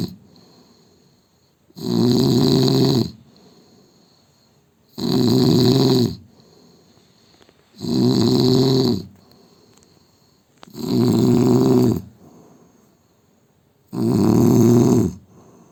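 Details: Man with loud, rough snores on each breath in, about 20 per minute, quiet breathing out between: heavy snoring.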